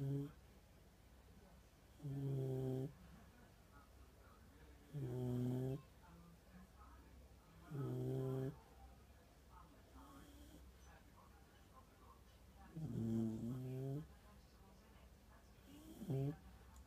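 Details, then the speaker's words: Puppy snoring in sleep: five low, rumbling snores at about 20 breaths a minute, somewhat uneven, with soft breathing between. "Coco, are you snoring? Coco, are you snoring?"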